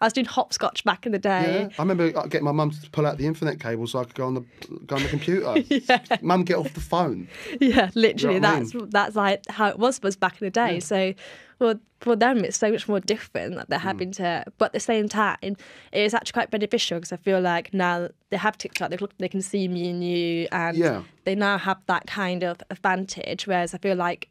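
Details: Adult woman speaking; normal conversational speech without tics.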